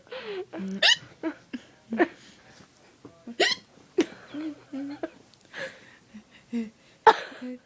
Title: Squeaky Hiccup!